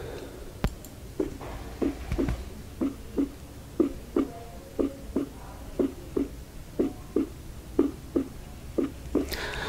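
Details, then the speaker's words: Normal first and second heart sounds on auscultation of a healthy dog: regular paired 'lub-dub' beats about 60 a minute. "Então a primeira agulhas esse representa pelo tum e a segunda bulha pelo tá não ficar Tonta tonta Ah tá vamos escutar"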